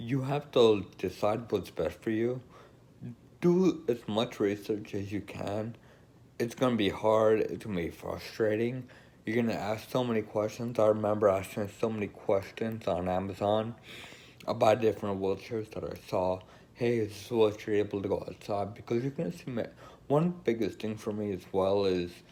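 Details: Woman with Friedreich's ataxia who uses an electric wheelchair; speech not described; ataxic dysarthria (Friedreich's ataxia).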